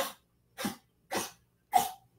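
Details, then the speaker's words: A dog coughing up a hairball, which the owner says happens all the time: four short, harsh hacking bursts about every half second. "If y'all hear that, that's just my dog coughing up a hairball. Sorry you guys had to hear that. That's my dog. He does that all the time."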